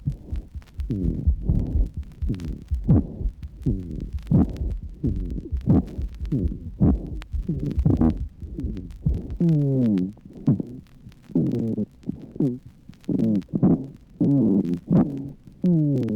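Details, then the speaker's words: A bronchial asthma teaching recording with altered inspiratory-expiratory ratios, sibilant rhonchi and expiratory musical whistling wheezes from airway narrowing: asthmatic wheeze with prolonged expiration. "listen now to the intermixture of changes in inspiratory expiratory ratios sibilant rhonchi and expiratory ways"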